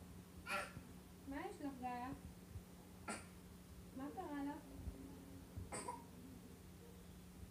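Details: A young child gives three short, forced, put-on coughs, each followed by a brief voiced sound, pretending to cough because she wants medicine: feigned cough.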